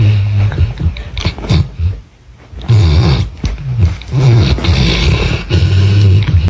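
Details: A sleeping dog snoring: loud, rough, rumbling snores repeat irregularly with brief quieter pauses, with laughter nearby; snoring.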